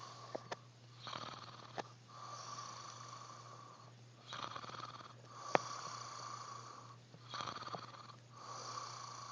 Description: Recorded my husband snoring..watch till the end, he gets scared..lol